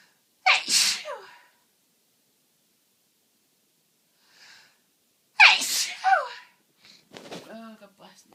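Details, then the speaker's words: Two forceful, explosive sneezes with sharp hissing bursts and voiced tails from an adult with a cold, whose nose is itchy and blocking up and who is sneezing uncontrollably with tears; sneezing. "nose is starting to get really blocked up now, which means it'll burn and tease me, and I'll need to sneeze, and I'll just sit there anyway."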